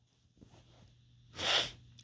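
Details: Man having a series of sneezes with nose tickling beforehand: a few soft sniffs then one short, moderately loud sneeze over a low steady hum; sneeze.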